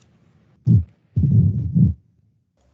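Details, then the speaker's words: Continuous machinery murmur of patent ductus arteriosus, played in a teaching lecture: low rumbling heart sounds with a sustained murmur through both systole and diastole, then a brief burst of voice. "el clásico es el conducto arterioso pero fíjense que dijimos que el conducto de la coartación aórtica sólo sonaba en sístole en cambio este tiene un soplo si"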